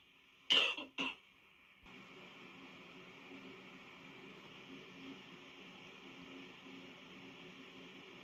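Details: Two quick sharp sneezes close together, then steady background hiss, from one of two adults both ill with flu; sneezing.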